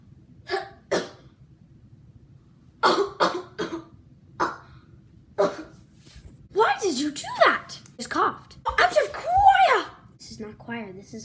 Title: When you cough at school vs church